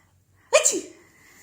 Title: Sneezing time smile